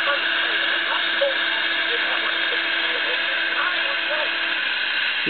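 A steady high-pitched mechanical whine runs throughout: the implant drill spinning during guided implant surgery.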